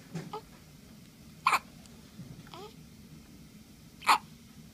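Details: Baby girl with hiccups; two sharp, abrupt hiccups about two and a half seconds apart, with faint baby sounds between them in a quiet room: hiccups.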